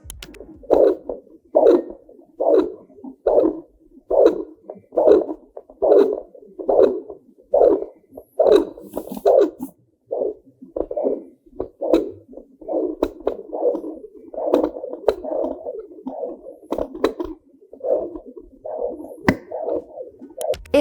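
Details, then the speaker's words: Maternal heartbeat picked up on a portable fetal Doppler: slow, steady whooshing pulses near 71 a minute, distinct from the slow placental whoosh and the quick galloping fetal heart. "if it's slow and steady it's your heartbeat you can notice that by moving the probe around it picks up different"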